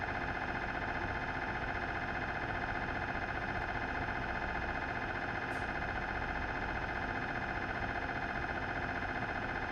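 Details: Philips 1.5T MRI scanner recorded inside the scan room: loud continuous rapid buzzing hum during a scan sequence, normal machine noise.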